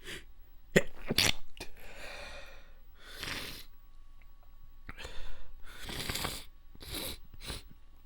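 Several short, muffled, wet sneeze bursts held back through a closed mouth or nose, with quiet breaths between them.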